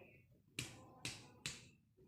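Three sharp finger taps on the right chest, each followed by a brief hollow ringing tail: a normal resonant percussion note over the lung.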